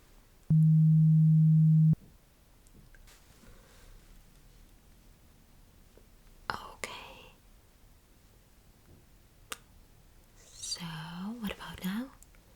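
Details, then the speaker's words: Simulated ASMR ear-exam roleplay of a hearing test: a single steady beep tone sounds briefly in a quiet room, followed by faint whispering and soft handling sounds. "You could hear beep sound again."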